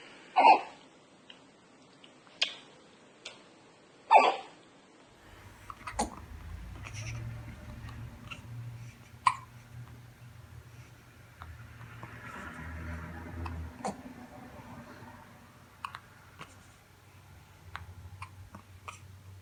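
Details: Infant: several small, sharp catches in the breathing a few seconds apart, with faint room noise and a low hum; infant hiccups, a common harmless event.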